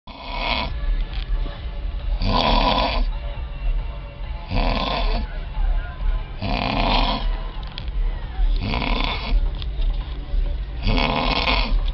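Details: Man snoring heavily at a music festival; loud, rattling snores on each breath, about 30 a minute, with faint background noise. Snoring.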